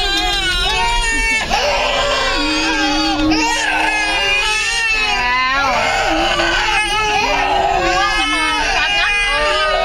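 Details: 8-month-old twin babies, a boy and a girl, tired after a car trip home and play: continuous loud wavering wails overlapping without pause; ordinary crying of tired infants.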